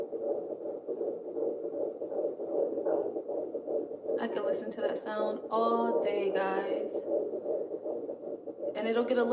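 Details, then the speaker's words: Fetal heartbeat on at-home pocket fetal Doppler, probe just left of the mother's belly button angled right, fifth pregnancy, past 11 weeks: rapid rhythmic whooshing pulses, about 145–150 beats per minute. "baby will move sometimes i have to point the scope down sometimes to the side like right now i'm right to the left of my belly button and then i have to kind of turn the probe just a little bit to my right to catch that heart rate"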